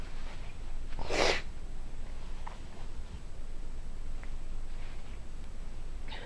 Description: Woke up this morning and could not stop sneezing. Not sure if it was pollen or not simply because the day before it rained all day.